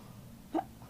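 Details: A single short, abrupt hiccup against quiet room noise, recorded as a first hiccup video.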